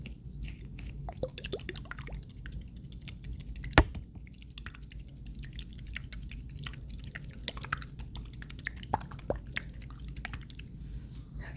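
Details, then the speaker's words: Soft wet squishing, dripping and gurgling with an occasional sharp tap as the right ear is flushed after oil is left to soak in, in an ASMR roleplay of an ear exam, simulated. "okay so now what I'm going to do is I am going to go ahead and flush the right ear so let's just start off by flushing the right ear"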